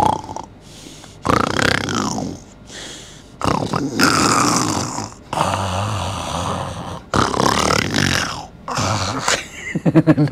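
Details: Imitated snoring sounds made by an older man.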